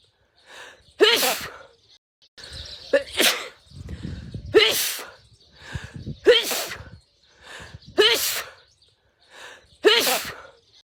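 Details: Six sneezes in a row from a woman, each a quick inward gasp then a sharp burst, repeated as an edited loop; sneezing.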